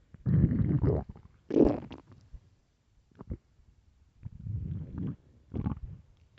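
Several low rumbling, gurgling bursts separated by quiet gaps: stomach growling from an empty stomach.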